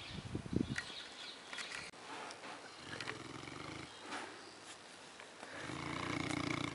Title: cutest dog (mastiff) snore with his eyes open